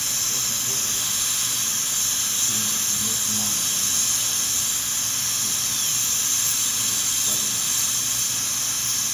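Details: Steady high-pitched whine with an airy hiss and faint voices behind as a high-speed dental handpiece cuts upper central incisors #7 and #8 for porcelain veneer preparations with lingual chamfer margins.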